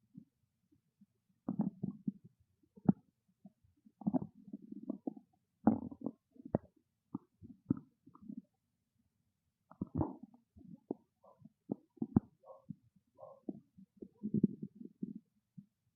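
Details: Irregular gurgling, bubbling and squeaky rumbles in bursts with quiet gaps: loud hunger-related stomach growling, normal borborygmi.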